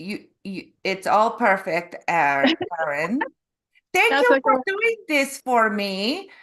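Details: Canadian adult woman from Calgary; stroke November 2023 causing aphasia with word-finding difficulty and apraxia of speech; foreign accent syndrome began after a further hospital episode in February, self-described as Eastern European; foreign accent syndrome with aphasia and apraxia of speech.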